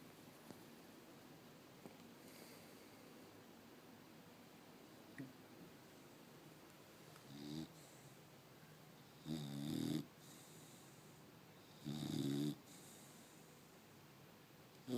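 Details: Sleeping bulldog puppy snoring: soft, short snuffling snores at irregular intervals in a quiet room.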